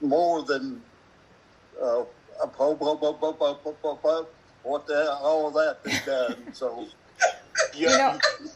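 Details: Adult man with aphasia speaking in a group video of people with aphasia: aphasia.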